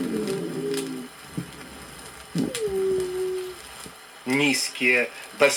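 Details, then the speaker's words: 1964 Soviet educational auscultation record: high-pitched whistling dry rales (wheezes) arising in small bronchi in bronchial asthma, musical whistling over the breathing. "более высокие сухие хрипы дисконто вые возникают в мелких бронхах более низкие басовые в крупных бронхах послушайте различные варианты сухих хрипов высокие свистящие хрипы бронхиальной астме лучше выслушиваются на"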